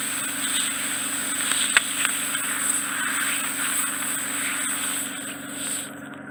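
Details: Clinic ear wax removal by suction in an ear canal described as more horizontal than the usual oval shape: steady high hissing suction with brief crackles and pops as wax is drawn in.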